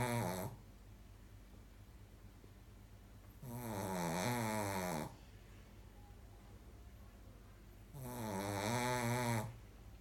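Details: A sleeping Shih Tzu dog gives loud, rattling snores on each breath, about 13 a minute, with quiet pauses between; snoring.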